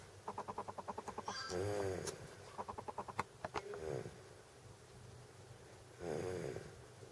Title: Baby schnarcht | Down-Syndrom